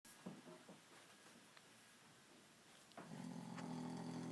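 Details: Male friend snoring loudly in sleep: low, rough, noisy sounds ending in a louder droning, rumbling breath in a small room; snoring.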